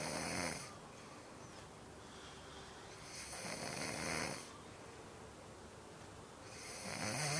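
Slow, regular breaths with a hissing, rasping noise on each, about two cycles in seven seconds; snoring in sleep.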